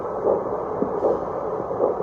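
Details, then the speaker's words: Obstetric fetal Doppler device with gel, demonstrated without a pregnant patient, happening to touch the operator's own blood vessel: regular whooshing adult arterial pulse at about 60–70 a minute. "지금 내 맥박이야. 이거 내 맥박. 내 맥박이 지금 이 정도야. 60에서 70 사이. 지금 혈관 있는 데가 마침 닿은 거야."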